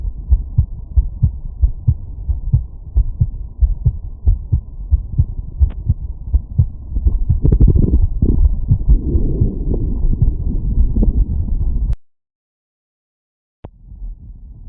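Fast, regular low heart thumps at about 90 a minute, heard over the aortic area after exertion.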